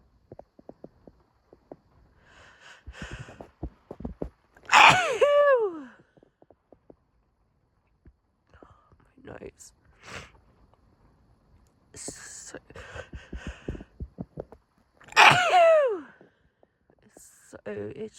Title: Hitchy sneeze fit (F)